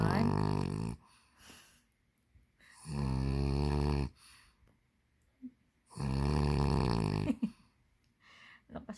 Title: When you wanted to go sleep , but you can't sleep... Kimi the snoring dog Lmao...😅